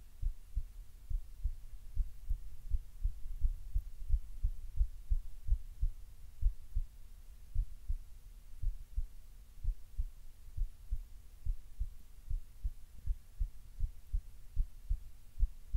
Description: Relaxed but still a little fast